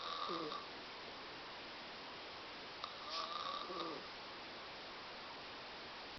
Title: Snoring Mom